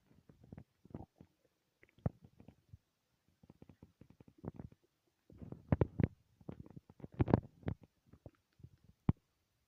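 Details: Loud stomach growls: low gurgling and bubbling rumbles in irregular bursts with some louder pops; ordinary borborygmi from gas and fluid moving through the gut.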